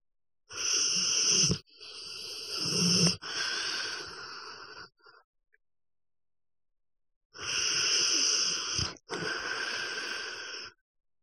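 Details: Long, hissing, whistling breaths in a few drawn-out cycles, some with a rattly edge; noisy snoring.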